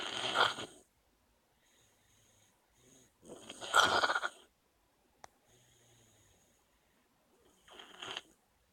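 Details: Noisy, rasping breaths in irregular bursts with quiet gaps between them: snoring.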